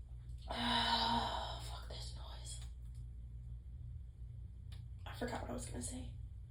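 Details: Sneezing fit with whining from a person whose nose tickled so badly they struggled to sneeze: two loud, abrupt voiced sneezes, one early and one late, with breathy sounds between, followed by nose blowing.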